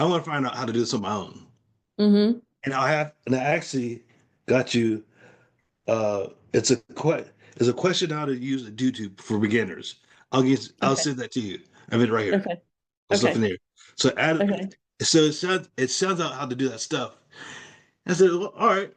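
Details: Aphasia in a man after a stroke.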